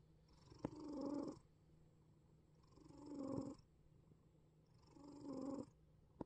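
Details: Sleeping black cat breathes noisily with a rattling snore and a whistling, wheezing edge on each breath, about 28 breaths a minute.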